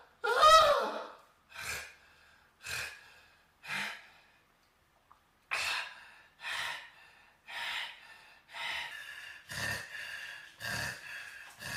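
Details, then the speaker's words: A loud voiced burst, then about ten heavy, rhythmic gasping breaths, roughly one a second, with a brief pause; panting for breath after a sneeze the person tried to fight off. "oh God oh God oh what a sneeze what a God damn sneeze oh God"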